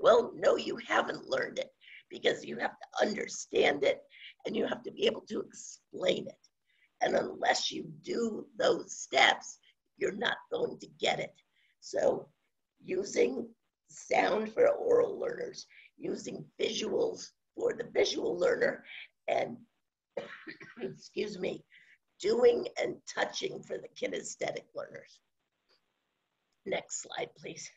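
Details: Adult woman with scratchy voice from spasmodic dysphonia, onset around 2010 and progressively worsening, no cure; her Botox injection was postponed by the doctor; spasmodic dysphonia.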